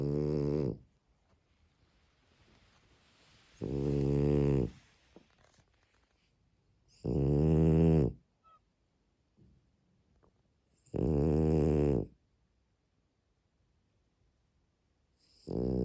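Regular, buzzing snores on each breath, about 16 a minute, with quiet pauses between; a dog snoring in sleep.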